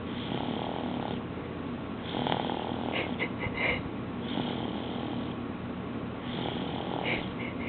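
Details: Light snoring: soft, rough breathing rising and falling every couple of seconds over a steady background hiss.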